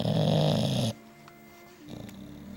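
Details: English bulldog snoring in sleep; one loud, deep, rattling snore, then quieter breathing with faint room noise; snoring.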